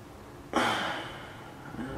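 A sudden loud, airy breath that starts sharply and fades over about a second against room noise: a gasp.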